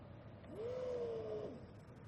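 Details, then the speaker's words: Single steady mid-pitched alarm tone about a second long over machine hum from a Hamilton T1 ventilator during service testing, expiratory valve exhaust port blocked with film; exhalation obstructed alarm. "Block the expiratory valve exhaust port with the help of transparent film and observe the pressure rise. Verify that the exhalation obstructed alarm is activated."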